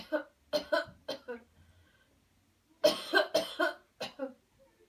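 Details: Two bursts of forceful, deliberate coughs, about eight in all, with a pause between, on a deep-breath cue after counted breathing in a demonstration of a cleansing-healing coughing technique: voluntary coughing.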